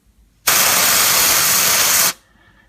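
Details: Loud, steady hiss lasting under two seconds, then quiet: liquid nitrogen cryotherapy spray on finger warts, a repeat treatment after the warts failed earlier treatment; the patient says it stung, and the warts may be deeper than they look.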